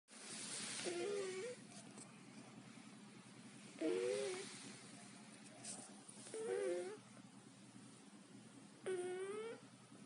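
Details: Sleeping cat snoring rhythmically, about four breaths in ten seconds, each with a squeaky whistling nasal tone over a steady low room hum.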